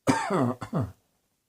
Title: Cross Dressing Coughing 7